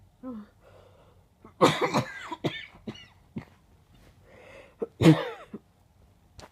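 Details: Adult with a bad chest cold and chest pain on coughing: a run of harsh, congested, chesty cough bursts; productive cough with chest congestion.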